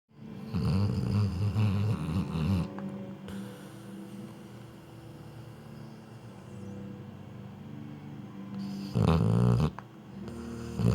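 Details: Low rumbling snore from Rose, a sleeping dog with her tongue out, loud at start and near end, quieter between.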